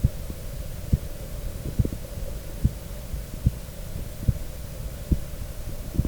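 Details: Normal human heart sounds recorded with a stethoscope and USB microphone: steady, regular low thumps at about 70 a minute over a low hum.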